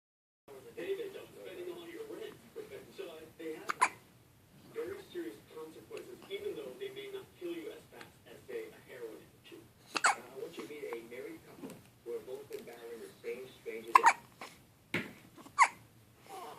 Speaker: I'm 1 week old today. Yay! I have hiccups, but doesn't bother me.